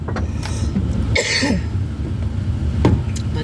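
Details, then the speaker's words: Adult with the flu coughing inside a vehicle: one loud cough burst, possibly followed by a brief second one, over steady engine and road rumble. "anyway, excuse me for coughing. I need to get a hot drink."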